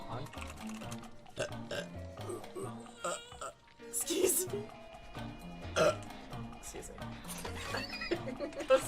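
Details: Several short belches from a female gamer scattered among quiet talk while live-streaming, with game music and keyboard typing in the background; burping.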